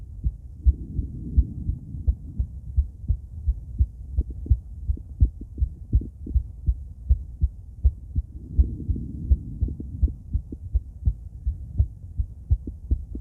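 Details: Female heart auscultated with several different stethoscopes via microphone, moving Erb's point, mitral, tricuspid, aortic, then pulmonic; regular lub-dub about 80/min with soft breath noise in places, no extra sounds; normal heart sounds.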